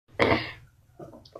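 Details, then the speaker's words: Child who says they have 'tos de perro' and expects to recover in about two days: one harsh, explosive cough fading into quiet room noise; barking, croup-like cough. "Bueno, chicos, no voy a poder grabar videos porque dentro de unos días, porque por eso tengo tos de perro y no voy a tener ganas de subir videos porque voy a estar en los videos."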